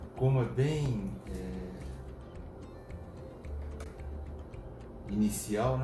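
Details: Ultrasound Doppler of twin pregnancy at 7 weeks 1 day, embryos about 1.12 cm long: rapid soft pulses of one embryo's heartbeat, about 154–155 a minute, described as normal.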